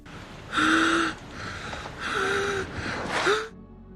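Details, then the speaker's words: Simulated wheezing acted by an actor in The Revenant, as his injured character grieves over his son's blood in the snow: strained, rasping breaths whose lung squealing grows higher-pitched and softer, like a dog crying. "The squealing in his lungs gets higher pitched and softer, almost like listening to a dog cry."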